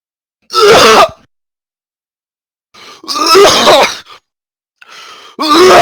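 Three harsh, raspy cough bursts from an adult, the later two preceded by short breathy intakes, with silence between them; repeated coughing.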